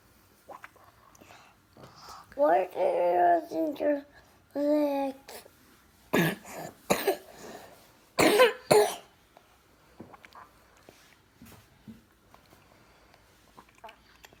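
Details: Child coughing at 2:00 am, non-stop at night: brief vocalizing, then about four harsh, abrupt coughs in close succession in a quiet room; persistent cough.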